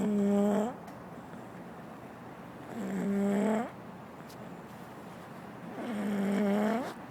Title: Baby Girl Snoring Loud